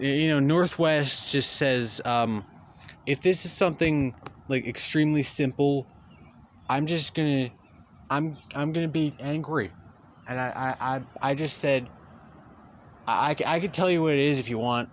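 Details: Male speaker who says he stutters; real stuttering throughout a long narrated story. Stuttering.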